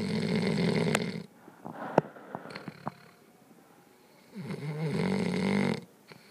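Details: Puppy snoring in sleep: two loud, buzzing, rattly breaths about four seconds apart with small clicks and rustles between; snoring.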